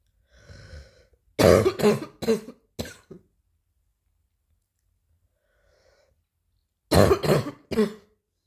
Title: new cough 3